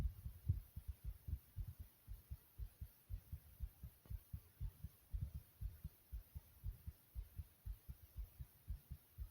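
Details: Own heartbeat, tagged as fast; heartbeat sound.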